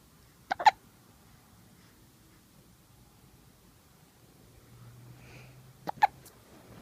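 Two sharp hiccups, each a quick double catch, about five seconds apart, in a quiet room; ordinary hiccups.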